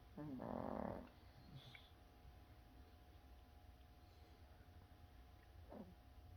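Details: A dog snoring: one loud, buzzing snore on an in-breath, then quiet breathing with a faint second snort over a steady low room hum.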